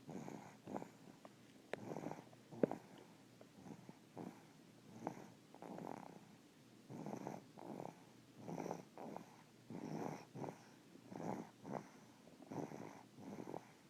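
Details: Snoring: soft, regular rattling breaths about every 1.4 seconds, roughly 40 a minute, with faint clicks between them.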